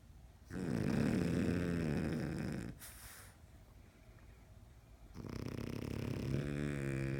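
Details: French bulldogs sleeping and snoring: long, loud, vibrating snores on two breaths, with a pause of quieter breathing between them.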